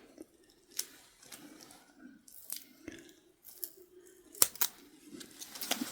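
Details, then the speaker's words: Soft snipping, crinkling and peeling as improvised tape is cut and removed from a patient's cut thumb dressing (recent cut from a new, sharp blade), revealing a plaster beneath; ASMR simulated doctor visit, medical tape removal. "So I'm just going to ever so gently open the this tape, just so I know roughly how long ago did this actually occur. Okay. So we'll take this tape off."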